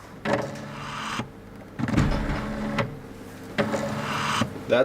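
Repeated electric motor whirs, each run lasting about a second with brief pauses; a prototype ventilator mechanism stepping through its motion.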